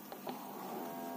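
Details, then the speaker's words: A patient monitor's automatic non-invasive blood pressure (NIBP) cuff inflating on the upper arm during a demonstration: a couple of clicks, then a steady whirring pump hum. "you can hear the sound so it act is also inflating and i can feel it in my upper arm"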